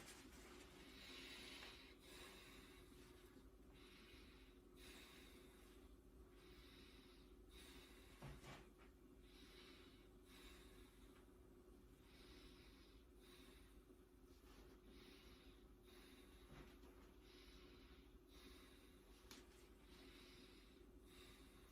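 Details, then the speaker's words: Patient sitting up and breathing normally while lungs are auscultated anteriorly with a stethoscope during a physical assessment; soft, even breaths with no wheeze or rattle; all lung sounds clear. "Okay, all lung sounds clear anteriorly."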